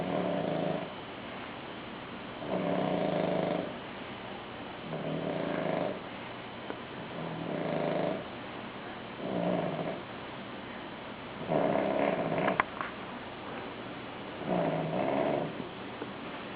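Regular rhythmic snoring, about seven snore bursts in sixteen seconds, each a low buzzing breath, over quiet background hiss.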